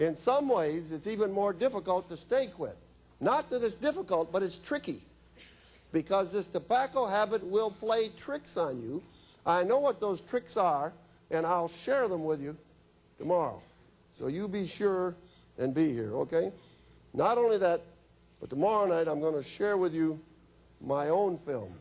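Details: Adult male speaker; normal speech.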